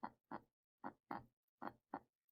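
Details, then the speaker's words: Normal heart sounds demonstrated as a lub-dub: regular paired beats about 75 a minute, two clean sounds per beat; normal heart rhythm. "so your heart should sound like this first so let's do that one more time it's a lub dub sound"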